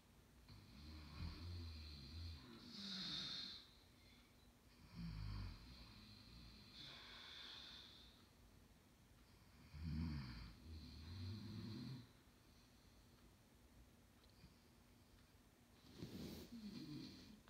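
Loud, rough snores repeat with each breath, rattling low in the throat alongside hissing breath noise, over a steady background hum.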